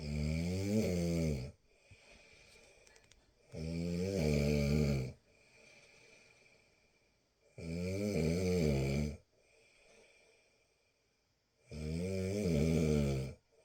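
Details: Snoring during sleep: loud, regular rattling snores on each breath in, about 15 a minute, with softer breaths out between.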